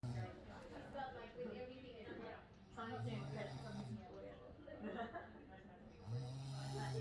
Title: lucky you guys still heard my snoring that mean I was alive. haha just ready tired